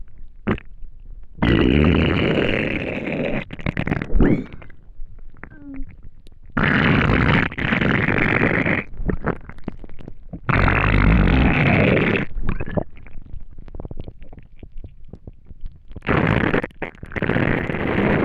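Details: Person who had not eaten for a day: loud gurgling and rumbling bursts with squeaks and pops coming in waves, the hunger rumbling of an empty stomach (borborygmi).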